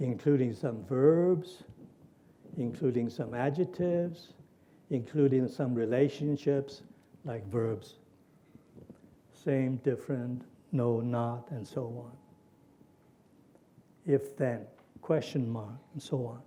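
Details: Lecturer reading aloud a Wernicke's aphasia patient's sample from a published paper; fluent jargon speech with non-words and neologisms following English grammar. Wernicke's aphasia (fluent jargon, imitated).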